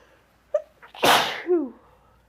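A quick inward catch of breath, then one forceful sneeze with a voiced tail.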